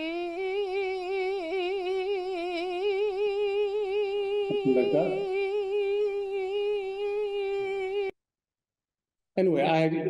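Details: Real singer whose speaking voice is unaffected but who cannot sing, recorded before Botox injection into the thyroarytenoid muscle: singer's dystonia (task-specific laryngeal dystonia).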